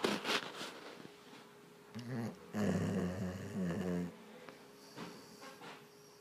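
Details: Loud, rough, rumbling snores from a sleeping dog, likened to an old man's snoring, with quieter breathing between them.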